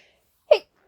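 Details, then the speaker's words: One short, forceful sneeze after silence, during a fit of unusually powerful sneezes with nose tickling and sniffling: sneeze. "So, I've been sneezing. Uh, I just had a big fit, but I couldn't find my phone."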